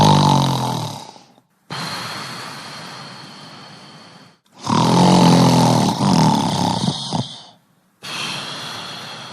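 Loud, rough snores, each a few seconds long, separated by brief silent pauses; a stock snoring sound effect.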